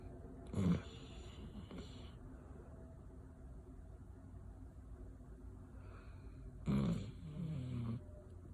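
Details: Sleeping dog snoring: two rough, snorting snores separated by quiet breathing; ordinary snoring.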